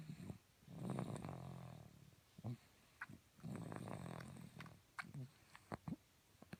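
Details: Young boy asleep: low, rumbling snores on each breath, with soft snorts and clicks between them; ordinary snoring.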